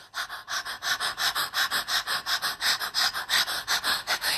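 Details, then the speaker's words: Quick, shallow, panting breaths in a steady regular rhythm, demonstrating the rapid shallow breathing of hyperventilation during a panic attack; rapid shallow breathing (hyperventilation). "Usually when someone experiences a panic attack, they actually have shallow, rapid breaths."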